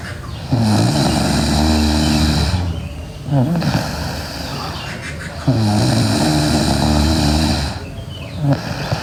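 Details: Sleeping girl with loud, rattling snores on each breath in, about three in nine seconds, with quieter breaths out between them: snoring.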